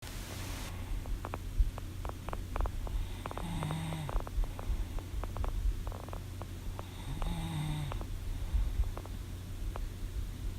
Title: Snoring Sleeping Sounds Sleeping Noises| Film & Sound Effects